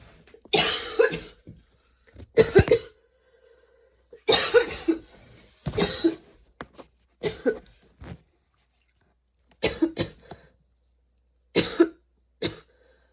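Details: Prolonged coughing fit of sudden onset that kept worsening, bringing tears and repeated changes of position; about eight harsh coughing bursts, several in quick pairs with short gaps; the person reports their lungs having a tough time.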